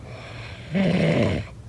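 A single low, rattling snore on the in-breath, with a throaty tone over a quiet background.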